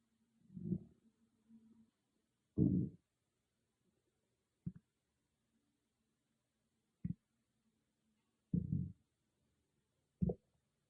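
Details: Stomach growling recorded on an iPhone microphone, not an ASMR mic, in a quiet room: six loud, low gurgling growls in about eleven seconds, some long and some brief; ordinary borborygmi.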